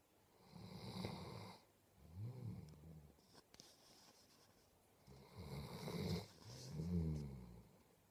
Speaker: you are a big snoring lump you are a big snoring lump yes you are